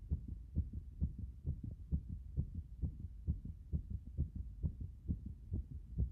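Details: Heartbeat after a hot bath: strong, pounding beats at about 130 a minute, a rapid, forceful heartbeat.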